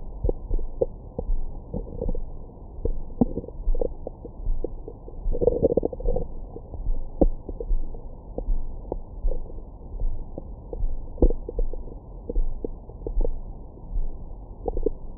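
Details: Recorded with a Stemoscope stethoscope microphone on the belly after a big meal: low rumbling gurgles with a longer gurgling stretch; normal bowel sounds, stomach growling.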